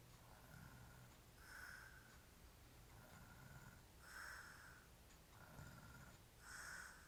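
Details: Hairy-chested adult man sleeping while drunk; rough, rattling snores in a quiet room, about 24 noisy breath phases a minute: snoring.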